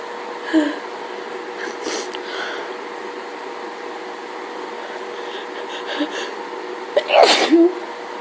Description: I caught myself in a full on allergy fit today because hayfever and things like that.... enjoy